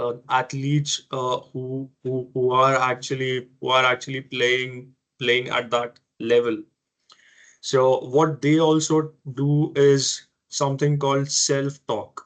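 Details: Stuttering in an adult man who has stammered since childhood.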